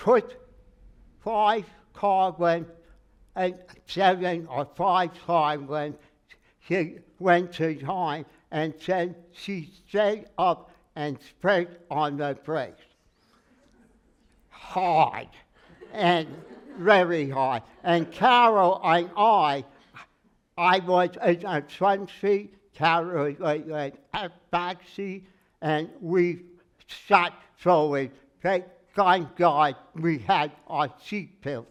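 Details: Adult man with aphasia after a stroke, noticed on waking; speech never recovered beyond about 80%; in speech therapy and an aphasia group; word-finding errors and garbled phrases; aphasia after stroke.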